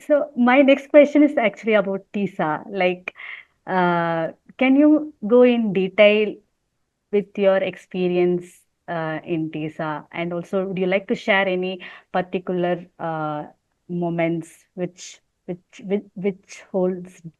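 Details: Adult woman who stammers, a real speaker who practices yoga and deep breathing, speaking English while translating a poem; stuttering.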